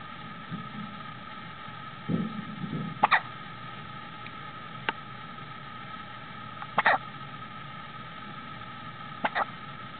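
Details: Newborn girl on her first day after birth, 3555 g and 53 cm, with brief sharp hiccups recurring irregularly, about three in ten seconds, over a steady background hum; hiccups.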